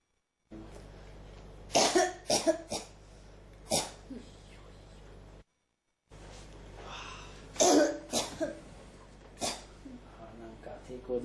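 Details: Persistent cough that won't stop, throat feels irritated, like something won't come up: repeated short dry coughs and throat clearing in two runs, with a steady low background hum.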